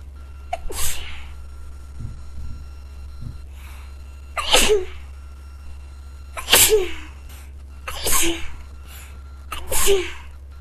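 Five explosive sneezes in about ten seconds, each preceded by a sharp intake of breath, with a steady low hum behind.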